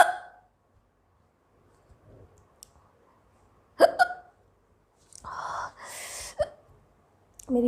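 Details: Young Indian girl with hiccups that have lasted a long time, recorded while cooking with black pepper powder: several short, abrupt throaty catches with quiet gaps and a brief breathy burst.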